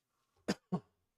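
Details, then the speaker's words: Two short, sharp coughs from an adult man, close together, in a quiet room, at night while coughing a lot; cough. "Man, I'm coughing a lot tonight."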